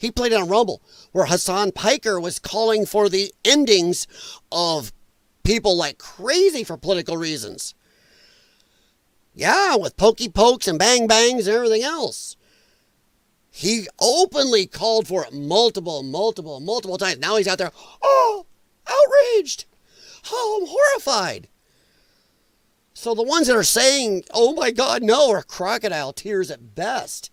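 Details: Dysphonia in a man whose vocal cords he says were damaged by infections from his lung problem; he is a former show choir singer and calls it a disability.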